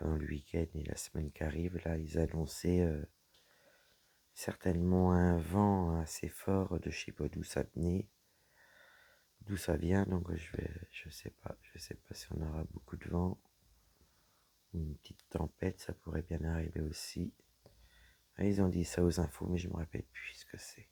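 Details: Woman whose vocal cords were damaged by a serious health problem; she reports her voice is now deeper than before, at times she has little voice, and she cannot speak loudly. Dysphonia with low-pitched voice after vocal fold damage.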